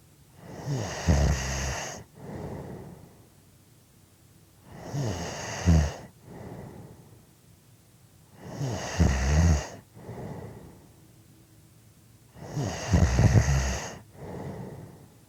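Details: Loud, rough, rattling snores on each in-breath, with softer out-breaths, about 15 breaths a minute: steady snoring.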